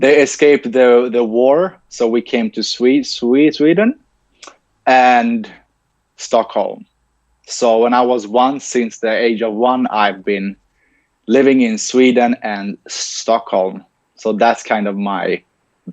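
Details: Adult man with lifelong stuttering, in speech-language therapy since age ten and later trained as a speech-language pathologist himself; stuttering heard in an interview.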